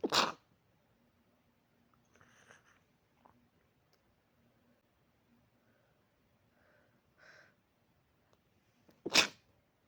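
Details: Person sneezing repeatedly while trying to sleep: two sharp, explosive sneezes several seconds apart in a quiet room, with faint sniffing between them; sneezing.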